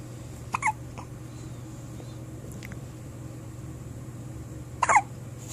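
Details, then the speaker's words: Someone's first hiccups: two brief, sharp hiccup sounds about four seconds apart against quiet room noise; hiccups. "You got hiccups? You got the hiccups? You want me to record you?"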